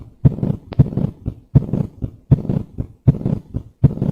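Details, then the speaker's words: Pansystolic murmur of mitral regurgitation, regular rhythm about 78/min: blowing murmur through systole with S1 muffled and S1/S2 hardly audible, plus an extra low sound after it, an S3. "okay this is a pan systolic M you are hardly able to hear S1 or S2 okay S1 is muffled there is another sound which you're hearing what is that"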